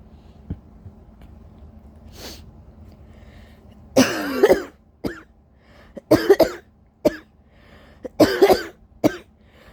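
Quiet room, then two bursts of forceful repeated coughs with short gasping pauses between them; a coughing fit.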